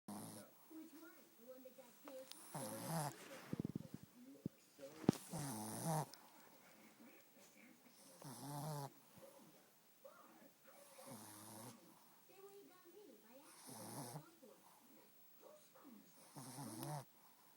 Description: My Miller sleeps so soundly, with her short snout she Snores Like Crazy